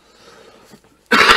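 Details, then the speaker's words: An adult man with a hoarse throat pauses, then gives one short, forceful throat clearing. "Please excuse my voice, I have a bit of a hoarse throat."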